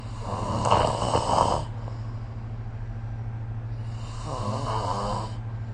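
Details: Snoring recorded with the SnoreLab phone app: two loud, rough, rattling snores about four seconds apart over a steady low hum; sleep snoring.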